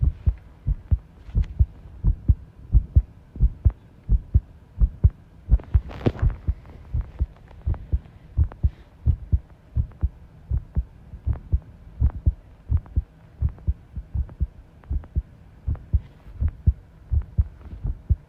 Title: 部屋の片付けをしながら心音をとってみた【不整脈あり】